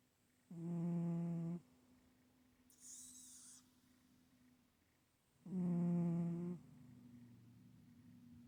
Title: Stache...still...snoring